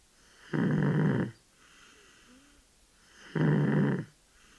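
Two loud, low rattling snores on the in-breath, separated by quiet out-breaths, in a sleeping infant; ordinary snoring.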